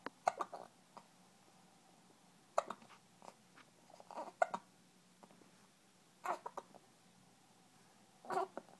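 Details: Hiccups: short, sharp, spaced hiccup jerks with small catching sounds, about six over nine seconds, in a quiet room.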